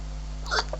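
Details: A girl hiccupping while others try to scare the hiccups away; a single short, sharp voiced catch over a steady low background hum.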